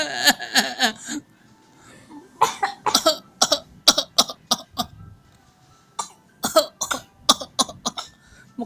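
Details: Repeated short, light cough bursts from a young child playfully imitating a cough while being taught to cough; imitated cough.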